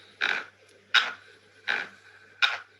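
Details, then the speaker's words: Patient's own recording of sleep bruxism (teeth grinding during sleep): four harsh, gritty scraping bursts in quick rhythm. "this is how bruxism or grinding of this during a sleep okay this recording is shared to me by a patient it's very eerie isn't it"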